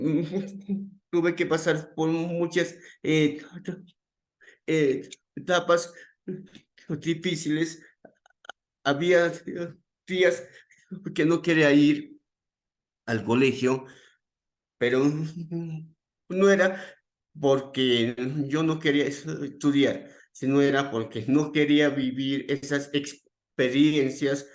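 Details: Adult male psychologist who stutters, onset around age 7, more noticeable from age 11, reporting his stuttering as uncontrolled on the day; repetitions in speech; stuttering.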